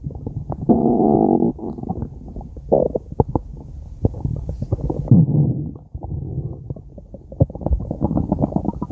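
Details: Five minutes of a man's stomach growling: loud, continuous gurgling and growling with squeaky bubbling pops and short rumbles; bowel sounds (borborygmi).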